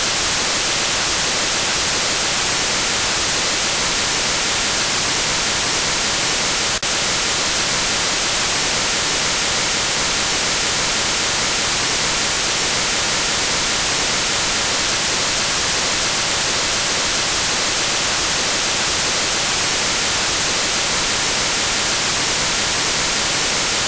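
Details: Simulated tinnitus: steady loud static-like hiss, the sound one person hears in their head since 2005.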